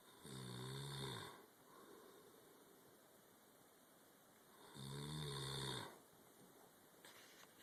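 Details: Father snoring in sleep: two long, buzzing inspiratory snores about four seconds apart, with soft breathing out between them.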